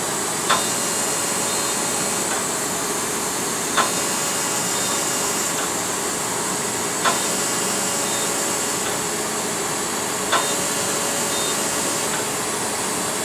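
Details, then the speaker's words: Loud steady hissing suction with a soft click about every three seconds: a SmartXide DOT fractional CO2 laser resurfacing a numbed patient's face, including the temples, for acne scarring. "we just finished uh using the smart side uh dot therapy uh laser which is a fractional CO2 laser uh which is indicated for acne scarring wrinkles pigmentation"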